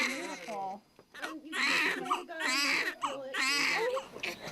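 A newborn's strong, repeated crying with short breaks for breath, heard right after delivery.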